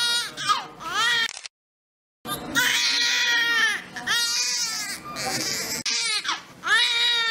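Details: Newborn baby girl's first cry in hospital within the first minutes after birth: strong, high-pitched repeated wails with a brief pause for breath, during post-birth care and breathing check.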